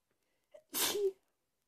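A quick catch of breath, then one sharp, explosive sneeze in a quiet room.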